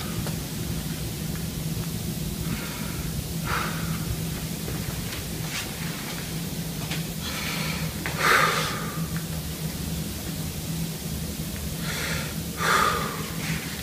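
Soft, regular breath sounds through a stethoscope over a low steady hum; normal lung sounds without added noises.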